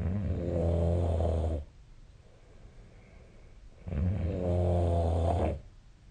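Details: Snoring during sleep: loud, low, vibrating adult snores, each lasting over a second and a half, two in six seconds with quiet pauses between.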